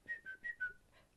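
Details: Adult woman with Tourette syndrome, tics beginning suddenly at age 11, diagnosed at 29, unable to stop them; whistle-like noise mid-sentence; vocal tic (whistling).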